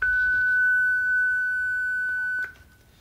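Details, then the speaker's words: Steady high beep over two seconds, then stopping: the corpuls1 defibrillator's charge-complete tone during a function test, charged via a shock paddle button with the paddle contact surfaces separated. "When we separate the contact surfaces, we can now start the defibrillator's charging process by pressing one of the two buttons."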